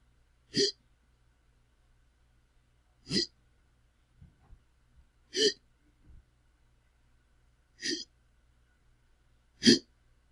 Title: Sounds of a Man Having The Hiccups - Hiccup Sound Effect